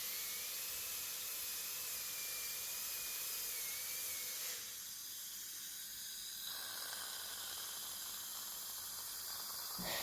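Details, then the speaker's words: Dental cleaning instrument (scaler or polishing drill) in use during professional teeth cleaning after braces removal to clear bracket glue; high thin whine with hissing spray that shifts pitch and stops; patient found it scary and uncomfortable. "Okay, you guys can see that the machines look really scary, and I mean, the guy is kind of having a drilling thing in your mouth, and you just have to trust him and allow him to do his job."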